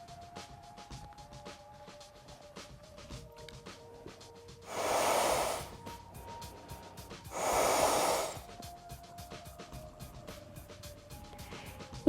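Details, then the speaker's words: Mouth-to-mouth rescue breaths demonstrated on a BLS/AED training manikin: two long, loud breath blows, each about a second and a half, amid faint background music. "next I will demonstrate mouth-to-mouth breathing"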